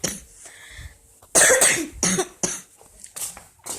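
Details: Child, 9 years old and turning 10, gives a bout of several short, loud, breathy coughs in quick succession in a small room, with faint background noise.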